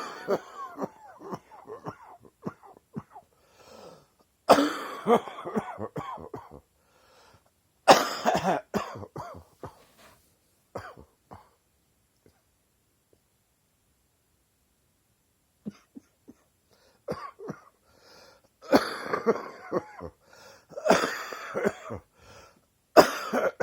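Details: Repeated bouts of deep, rattly morning coughing with throat clearing: a wet chesty cough.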